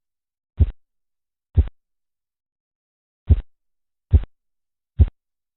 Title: Как измерять кровяное давление. Звуки, тоны Короткова, Korotkoff.